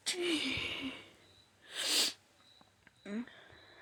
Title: Allergies: Sneezes and nose blowing!